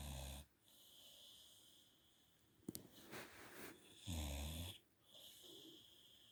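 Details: Low snorting snores with a faint whistle on some breaths from a sleeping Staffordshire bull terrier; snoring.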